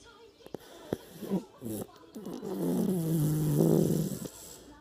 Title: Snoring Toddler